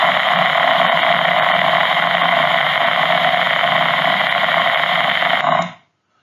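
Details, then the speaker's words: Microelectrode recording during deep brain stimulation surgery for movement disorders: standard background cell in the thalamus; steady loud hiss with fine crackling texture, then an abrupt stop. "and here's an example of just a standard background cell from the uh"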